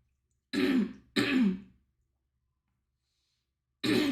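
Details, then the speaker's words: Two harsh throat-clearing bursts, then a third starting, from an adult sick for about five days with a lost voice, a sore throat when talking and coughing whenever talking. "I can't even talk, guys. Every time I talk, my throat hurts so bad. Every time I talk, every time I talk, I just like start coughing."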